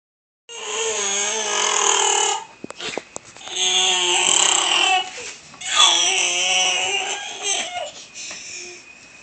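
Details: Baby boy's long, loud, strained wails with a rough, growly, Wookiee-like edge in three sustained bursts; the way he has always cried, an infant cry with an unusual gravelly quality.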